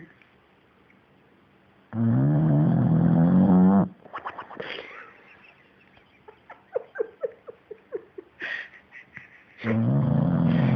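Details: Comical-sounding snoring: loud buzzing inhaled snores about eight seconds apart, with a string of soft smacking and whistling sounds between them.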